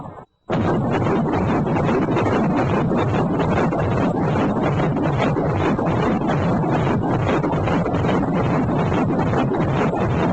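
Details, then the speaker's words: Fetal heartbeat at a 16-week pregnancy check-up, fetus over 11 cm long: fast, rhythmic, loud whooshing thumps on Doppler ultrasound at about 145 beats a minute. "(145bpm) 정도 돼서 엄청 우렁찬 심장 소리를 들을 수 있었습니다."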